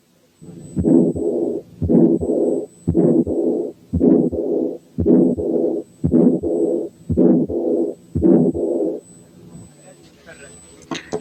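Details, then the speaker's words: Calcified aortic valve: a soft second sound and harsh to-and-fro murmurs heard almost without heart sounds, at about 57 per minute. "لما يحصل كالسيفيكيشن في الايورتيك فالف السكند ساوند بيبقى ضعيف والمامز بتتسمع من غير تقريبا ساوندز"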